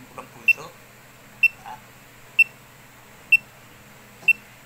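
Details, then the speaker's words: Pulse oximeter clipped on an adult man's finger, hand resting on a thigh: short high beeps, regular at about 63 a minute, described as a normal, not fast pulse; pulse oximeter pulse beep. "naririnig kayong sound so sa Sound pa lang may idea na kayo kung mabilis ba o ma o mabagal yung tibok ng puso"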